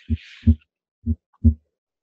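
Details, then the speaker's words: Simulated normal heart sounds on the Harvey cardiopulmonary simulator at the right upper sternal edge, about 60 a minute, timed with pulse palpation: crisp S1 and S2, with S2 louder at the base. "you'll notice that the second heart sound is louder as you would expect here at the base of the heart similarly it's still louder than the first heart sound"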